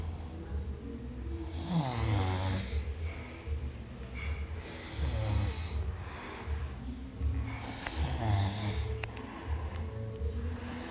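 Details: Ordinary snoring during sleep: low, rattling snores about every three seconds, roughly 20 a minute, with faint background music.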